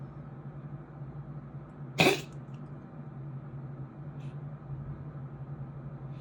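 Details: Cat named Butter gives one short, sharp cough against a quiet room with a steady low hum: cough.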